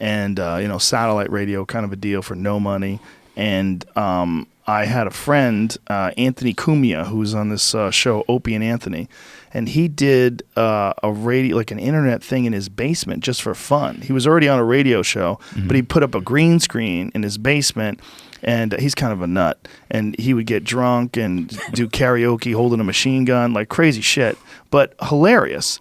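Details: Adult man speaking; normal speech.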